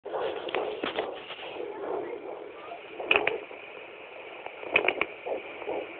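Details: Hissing Doppler noise broken by sharp knocks and swishes from fetal kicking at 14–15 weeks, third pregnancy; fetal movement on Doppler.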